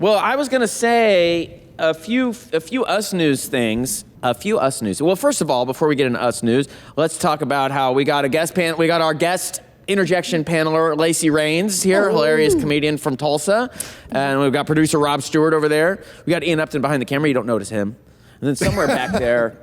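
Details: Adult man speaking; typical speech.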